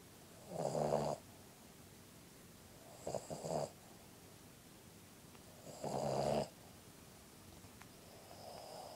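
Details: Sleeping Puggle dog snoring: three snoring breaths a few seconds apart in a quiet room.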